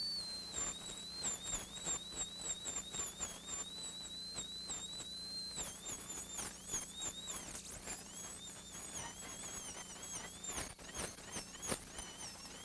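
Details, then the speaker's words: Surgical extraction of a dog's maxillary canine, after a flap is raised: a high-speed handpiece with a 330 bur removes alveolar bone, a high-pitched whine rising and dipping as it cuts, over a low hum. "all right then we're gonna use high speed handpiece to remove that alveolar bone and we want to be painting that bone away"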